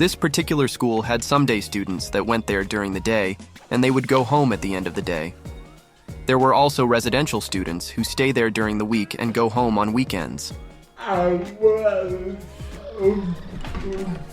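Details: Adult man with cerebral palsy who describes his own speech as slurred and who had speech therapy in school; mild dysarthria (slurred speech) in cerebral palsy.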